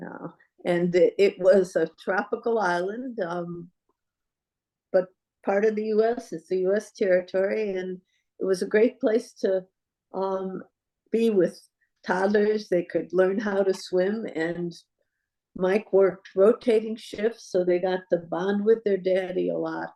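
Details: Adult woman speaking; normal speech.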